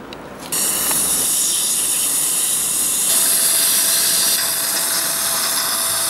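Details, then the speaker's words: First drill, 2.0, of a dental implant osteotomy in guided, flapless All-on-4 surgery on a maxilla: a loud, steady high-pitched hissing whine as the drill starts up and runs. "I'm gonna start with the implant osteotomy according to the same plan guideline this is 28 relent and 2.0 this is the first fire drill and this is the key I'll be using it"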